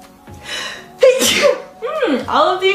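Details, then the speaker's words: A young woman sneezing: a sharp indrawn breath, then a sudden explosive sneeze, then a voiced exclamation; an ordinary sneeze. "Hold on, I'm gonna sneeze again. Told you."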